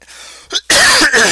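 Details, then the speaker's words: Cough from an adult with a still-scratchy, hoarse voice, recovering after being sick for almost a month. "you might hear that my voice is a little scratchy still up and I was sick for like almost a month last month"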